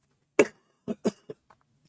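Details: Short bout of about four coughs in a quiet room, the first loudest and the rest fading, from an adult recovering from a feverish illness and fever-free for 24 hours without medication; cough.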